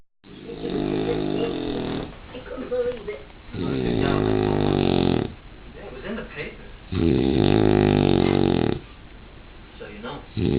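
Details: Sleeping dog snoring loudly as his "party trick": three long, rattling snores, about one breath every three to four seconds, with quieter breathing between.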